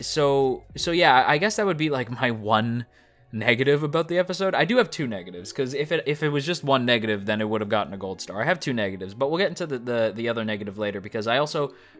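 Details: Male speaker who describes his own speech as stuttering; part-word and whole-word repetitions, consistent with stuttering.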